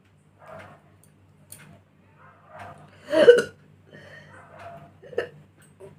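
Several brief, abrupt voiced catches, one louder than the rest, in a quiet room: repeated hiccups.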